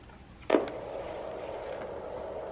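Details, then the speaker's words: A click, then steady low hiss of static with no heartbeat: a handheld home fetal Doppler with petroleum jelly switched on at full volume in the first trimester, before the heartbeat is found. "that is just the noise of it being on"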